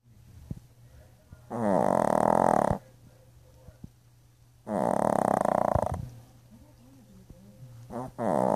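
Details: Jaina, a dog sleeping after an exhausting bath, snoring loudly with rough, rattling snores about 19 a minute separated by quiet pauses, over a low room hum.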